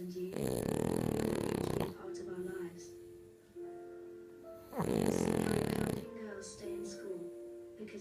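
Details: French bulldog asleep after a long walk: two long, loud rattling snores about four seconds apart, with quiet breathing between them.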